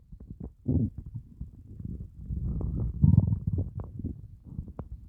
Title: 30+ hour fast stomach growls 🤭 I'm STARVING!!